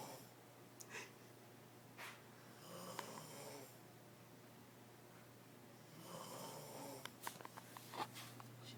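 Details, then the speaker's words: Soft rough snoring breaths recurring from a sleeping woman against a steady low room hum. "she's snoring now. She doesn't believe it. But it's all day."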